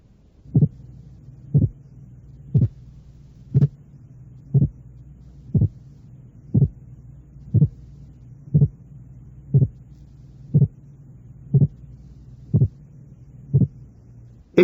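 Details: Simulated heart sounds at about 60 a minute, each a brief doubled thump with components 0.07 seconds apart: a closely split heart sound.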